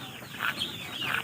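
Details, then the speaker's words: Tiger breed chick with a cold gives two short, rough, raspy cough-like calls when handled; cough-like vocalization in a chick with a respiratory infection. "দেখেন মুরগিটা আমি ধরার পরে একটা শব্দ করছে। শব্দটায় কাশের আওয়াজ পাওয়া যায়।"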